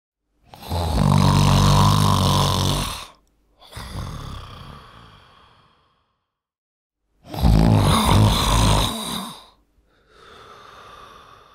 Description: The sound of a man snoring.